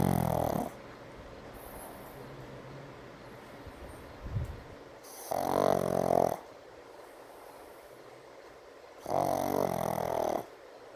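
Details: Brindle Pug snoring during an afternoon nap: loud rattling snores on each breath, about every four to five seconds, with quiet pauses between.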